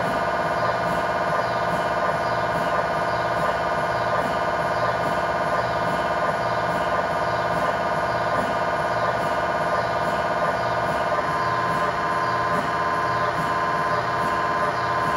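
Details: Steady, loud electronic buzzing with fast rhythmic knocking tones, about 170 a minute; MRI scanner noise during a lower-leg tibia/fibula test scan sequence with a GE high-definition lower extremity coil in a controlled setting.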